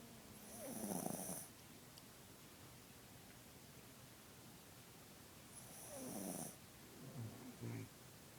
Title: Snoring puppy:)